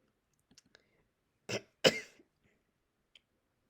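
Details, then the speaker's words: Two short dry coughs in a quiet room from an adult recovering after intubation; cough after intubation. "sorry that's all for this one and sorry if I'm coughing a little during this um I'll put the reason why in the description"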